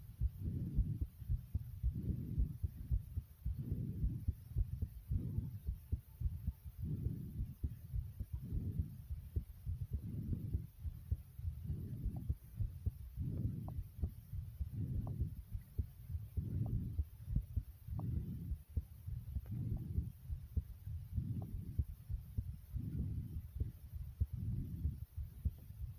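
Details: Slow, heavy, regular pounding heartbeat sound effect, low thumps about 37 per minute; produced audio, not a real recording.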